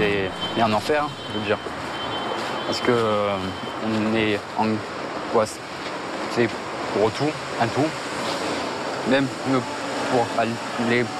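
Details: Young man with severe stuttering since age 4; he is attending a 3-day anti-stuttering course.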